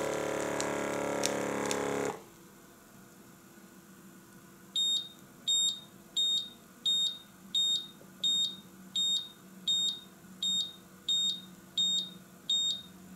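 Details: Functional check of a Visomat OZ 20 fully automatic oscillometric blood pressure and pulse monitor: a brief noise burst, a quiet hum, then a regular series of twelve high beeps at about 86 a minute.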